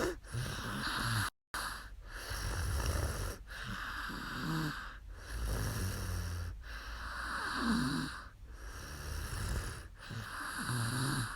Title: 2019/4/2 ツイキャス お姉さん いびき/sleep stream snoring girl